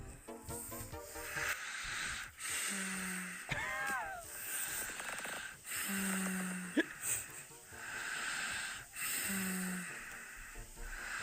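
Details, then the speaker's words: A person's breathing while sleeping: loud breaths with high whistling, squeaky tones on each breath over background music; wheezy, noisy breathing during sleep. "girlfriend just sent me this I guess she put this on Snapchat it says breathing while sleeping"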